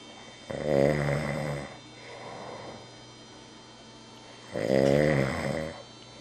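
Two long, buzzing inhaled snores about four seconds apart, with softer breathing out between them.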